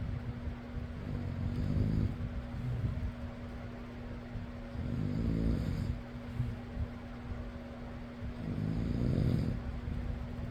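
Rough, low snores about every four seconds, roughly 16 breaths a minute, over a steady fan hum; snoring.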